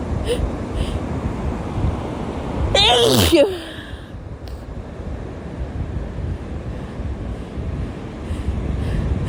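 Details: One loud voiced sneeze from a female, outdoors at the beach over steady crashing surf and wind.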